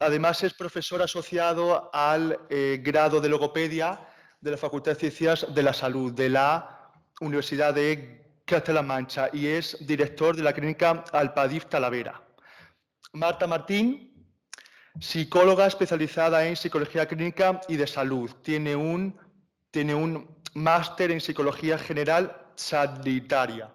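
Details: Stuttering in a young man who is a stuttering awareness activist, speaking live as moderator of a panel talk on stuttering.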